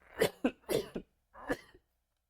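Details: Productive cough from an adult man with a stated lung disease and persistent phlegm that he must bring up: a few short, rough, wet-sounding coughs in two bursts.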